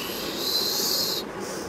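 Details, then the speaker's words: Mouth imitation of wheeze (rhonchi), a thin high-pitched whistling hiss, demonstrating the added whistling sound heard on chest auscultation in asthma patients during a respiratory system teaching session. "During the auscultation, if there is some added sounds, we can see some added sounds, that is a ronchi, wheezing sound. In asthma patient, we can see some whistling."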